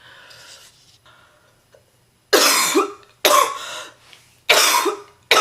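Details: Repeated forceful, harsh, deep coughs in close succession from a heavy smoker who became really sick: a real, non-acted smoker's coughing fit with non-stop intense, painful coughing.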